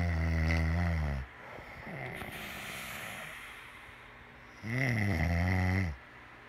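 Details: Two loud, deep, rumbling snores separated by a quieter exhaled breath; ordinary snoring.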